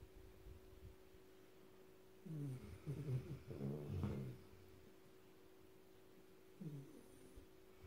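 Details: Black Labrador puppy, one of three, sleeping: soft, low rattling snores in a quiet room with a faint steady hum; ordinary snoring.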